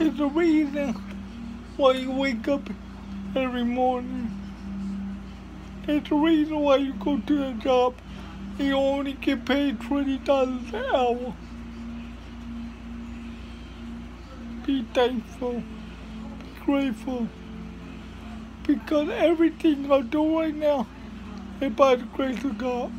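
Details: Dysarthria in a speaker with cerebral palsy giving a motivational talk.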